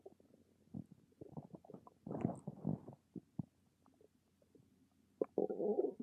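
Gurgling, bubbling rumbles from the abdomen in irregular bursts over a quiet room; ordinary stomach rumbling from gas and fluid moving in the gut.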